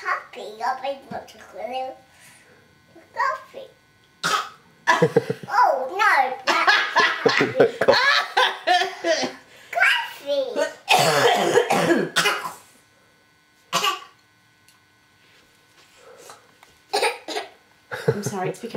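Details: A toddler babbles and laughs between several short, harsh cough bursts, a persistent cough.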